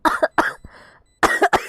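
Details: Girl with a cold who says she is coughing a lot: two pairs of short, harsh coughs separated by a breath in.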